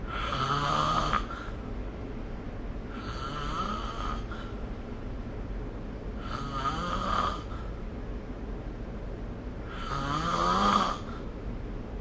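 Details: Snoring: four loud rasping snores on the in-breath, each about a second long and roughly three seconds apart, over low room hum.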